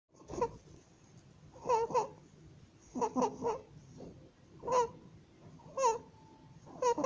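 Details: 27-day-old baby with laryngomalacia, recorded the day of an ENT nasofibroscopy visit: rapid breaths with repeated high, squeaky, crowing inspiratory stridor.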